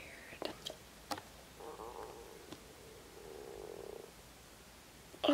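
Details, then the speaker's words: Stomach growling (borborygmi) from a 15-year-old girl at home, noticed aloud right after. "stomach just growled, did you hear that?"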